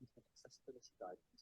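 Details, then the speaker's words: Simulated conductive hearing loss: very faint, muffled speech that requires straining to hear, barely audible, illustrating how sound is perceived with conductive (transmission) deafness. "il faut tendre l'oreille on entend pratiquement plus"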